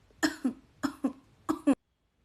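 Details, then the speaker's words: Dramatized cough-lozenge ad: a female character with a persistent cough not relieved by various medicines, dissolved or sucked; cough. "अरे कितनी खांसी हो रही है तुझे दवाई लिया"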